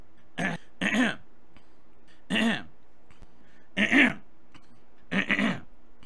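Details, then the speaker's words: Adult man with allergies, whose throat feels strange but not painful, repeatedly clears his throat in short, rough, voiced bursts with quiet pauses between them. "and by the way I'm sorry about my throat like I said I'm my stupid Allergies have been bothering me I do get heated my throat is sounding a little strange today it doesn't hurt but I think it's because of allergies"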